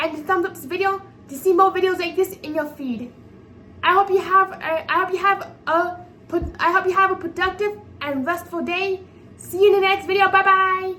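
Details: 24-year-old woman with apraxia of speech, a speech disability making sound articulation challenging, speaking unscripted; apraxia of speech.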